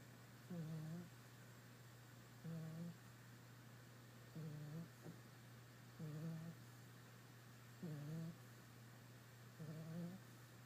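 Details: Sleeping puppy snoring: six short, buzzy, low snores at a steady pace, about 32 a minute, over a constant low hum.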